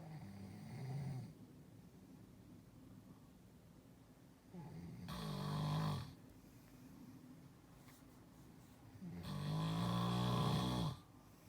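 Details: Brother snoring in sleep: loud, rattling inspiratory snores with quiet pauses, about 13 breaths a minute.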